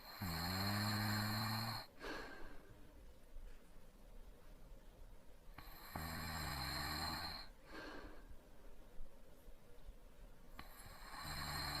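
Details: Adult man lightly snoring while asleep: low snores on two or three breaths over a steady background hum.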